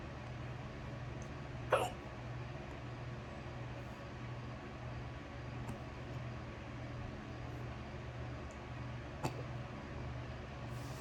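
Two sharp, abrupt hiccups several seconds apart over a steady vehicle hum; ordinary hiccups.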